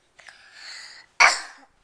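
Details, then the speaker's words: A soft breath in, a pause, then one sharp explosive burst of air that fades quickly; a single sneeze. "oh jeez how do you sneeze I"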